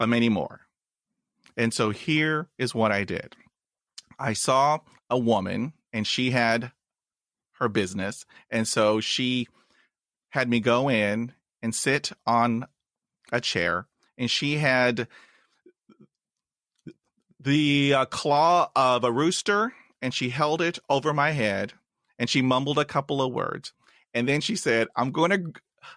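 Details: 53-year-old man who has stuttered since age 5, with blocks and repetitions, stuttering in English, Spanish and Turkish; stuttering.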